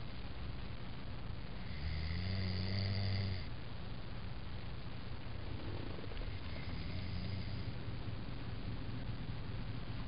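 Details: Man snoring during sleep: one loud, low, rattling snore on an in-breath over steady background noise, then a softer second one.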